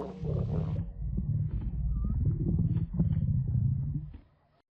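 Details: A long, low, rumbling and gurgling growl from the belly lasting several seconds; ordinary stomach growling (borborygmi).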